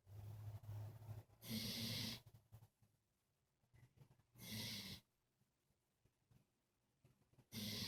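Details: Dog named Bubba snoring while asleep, described as tired: loud, long rumbling, snorting inhalations about every three seconds with quiet pauses between; ordinary snoring.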